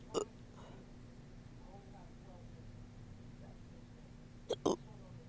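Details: Person who woke up with hiccups: brief sharp hiccup bursts, one at the start and a close pair near the end, over a steady room hum; hiccups.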